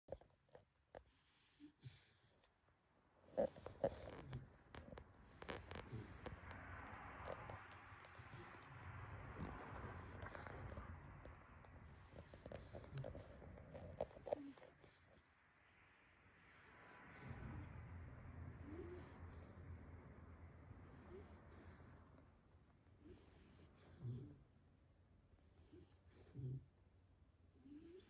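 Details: A sleeping pit bull-type dog snores with long, rough, rumbling breaths and brief snorts between them.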